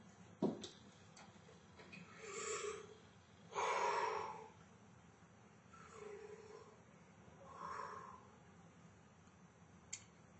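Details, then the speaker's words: Respiratory examination teaching, patient lying back, stethoscope moved over chest during deep breaths in and out through the mouth; smooth airflow, no wheeze or crackles; normal deep mouth breathing. "if you could take a deep breath in and out each time I move my steps goope through your mouth"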